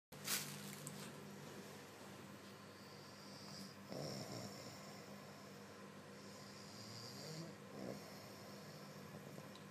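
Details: A person's light snoring: soft snorting breaths over a steady hum and a faint high whistle in the room.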